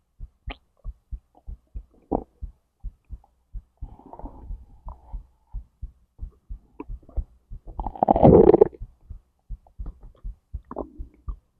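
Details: Recording across the whole digestive process from stomach to intestines: steady soft heartbeat thumps with gurgling and rumbling bowel sounds layered over them; normal bowel sounds with heartbeat.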